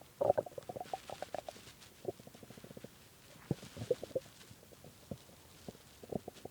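Runs of gurgling, bubbling stomach growls with short pauses; ordinary hunger rumbling of the gut.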